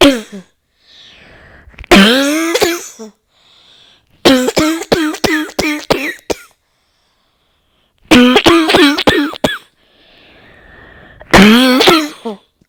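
Repeated runs of harsh, rapid coughs in bursts of several at a time, with gasping breaths between, a paroxysmal coughing fit.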